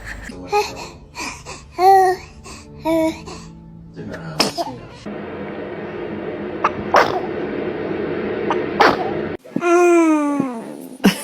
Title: Newborns sneezing are just too adorable!#toddlers #cute #familytime #video #reaction